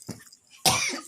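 A faint throat sound, then one loud, harsh cough burst from an elderly adult.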